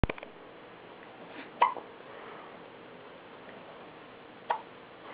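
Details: Baby lying in a pram: three short, sharp, involuntary gulping catches a few seconds apart in a quiet room: hiccups.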